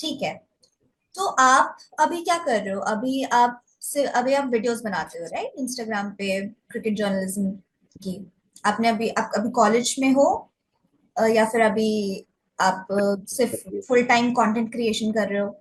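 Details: Adult woman; typical speech.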